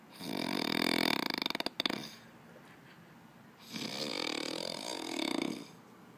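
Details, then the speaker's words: Heavy snoring from a man sleeping after a long day of training, with others laughing at him: two loud, rattling snores, the first fluttering then ending in a snort, with a quiet pause between. "and that my friends is the snore of a one star ambassador"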